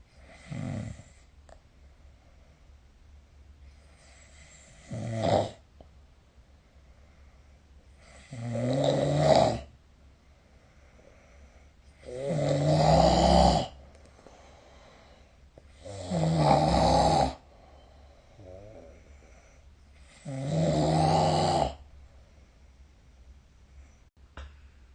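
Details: Loud, rumbling snores about every four seconds (roughly 15 per minute) during sleep, recorded with the SnoreLab phone app.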